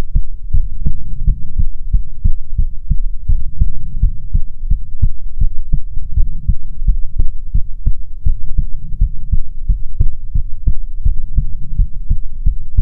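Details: ASMR heartbeat recording from a female streamer, offered as soothing heartbeats: steady, regular low thumping at about 80 beats per minute with a soft hum underneath; normal heartbeat.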